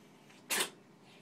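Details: Cat sneezing in a bathtub while chasing her tail: a single short, sharp burst of air in a quiet room.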